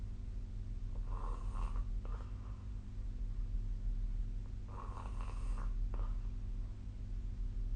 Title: 🐽 2024/12/15 本日のイビキ Snoring Sleep Sound